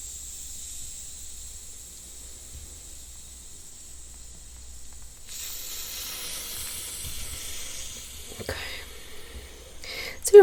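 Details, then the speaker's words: Manual blood pressure cuff deflating during a simulated ASMR role-play flu exam using a stethoscope on the arm: steady hiss of released air; reading about 110/60, stated normal; heart rate 102, temperature 101.4. "pressure is about 110 over 60. and that's normal"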